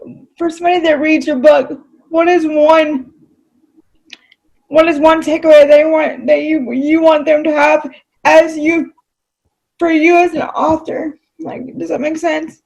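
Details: Adult female with cerebral palsy; dysarthria (cerebral palsy).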